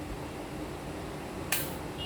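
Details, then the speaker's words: Test-firing a new Foracort Synchrobreath breath-actuated inhaler after shaking it 8–10 times and opening the dust cap: the test-fire button at the back is pressed, giving a single short, sharp hiss of spray. "নামালে এই যে ফুস করে ধোঁয়ার মতো বেরোলো, এটা প্রথমবার আপনি করবেন।"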